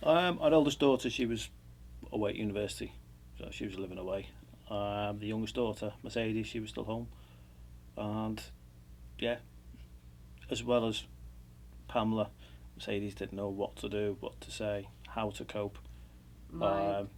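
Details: Adult man; unaffected speaker.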